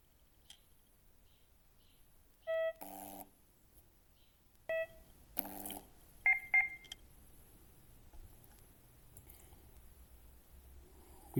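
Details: Short electronic beeps and chimes as a ZOLL M2 defibrillator switches on into defib mode during a manual device check, with quiet room noise between.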